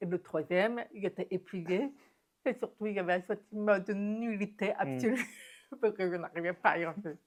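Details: Adult woman deaf since infancy (diagnosed at 9 months, doctors said she would never speak), who has never heard her own voice and learned to speak through about 20 years of speech therapy and lip-reading; deaf speech.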